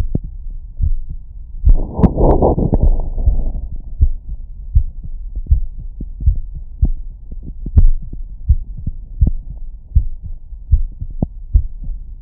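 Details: Regular heartbeat, about 80 a minute, heard through a STEMOSCOPE Bluetooth wireless electronic stethoscope with noise cancelling and amplification placed on the chest, with a brief burst of handling noise. Normal heart sounds.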